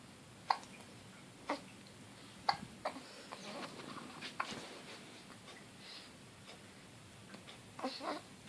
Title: Baby girl 2 weeks old hiccup